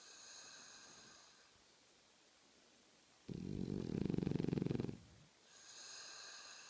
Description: snoring!